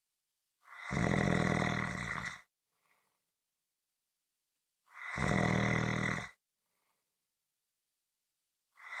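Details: Loud, rumbling snores about 1.5 seconds long, repeating roughly every four seconds with silence between; regular snoring.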